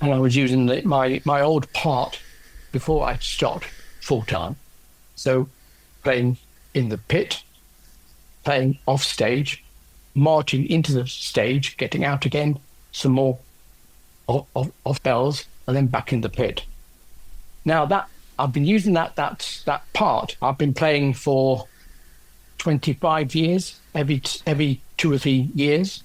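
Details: Adult man with aphasia after a stroke caused by a left middle cerebral artery blockage 10 years earlier.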